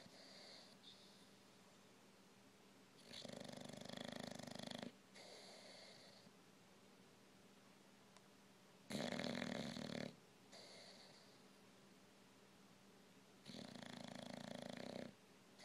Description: The older my old English bulldog gets the louder he snores!